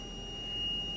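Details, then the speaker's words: Zoll ZR series defibrillator during simulated BLS training: after analysis it says stand clear and the shock button lights; a steady high electronic tone signals it is charged and ready to shock. "analyze tells me to stand clear now that button is lit up telling me to shock it"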